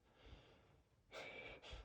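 Soft breathing followed by two quick, sharp in-breaths, acted gasps before a sneeze.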